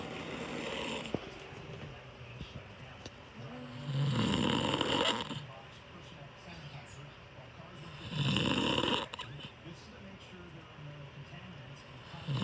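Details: Adult man (a father) snoring in his sleep: two loud, rough inspiratory snores about four seconds apart over steady room noise; ordinary snoring.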